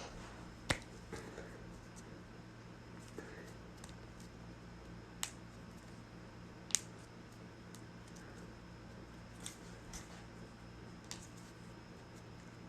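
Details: Sharp single pops and clicks at irregular intervals over a quiet room hum; harmless joint cracking (cavitation).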